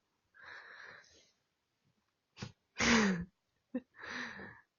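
A few short explosive nasal bursts with snorting sniffs between them, fitting sneezes from a dog.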